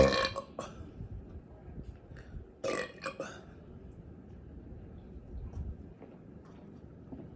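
Two loud, rumbling belches over a quiet room with low background noise; ordinary burping.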